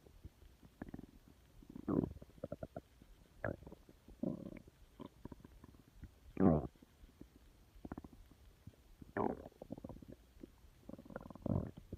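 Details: Irregular low gurgles, squelches and rumbling bursts scattered over twelve seconds against a quiet background: ordinary stomach growling (borborygmi).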